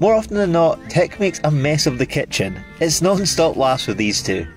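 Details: Adult male speaker; Ordinary speech.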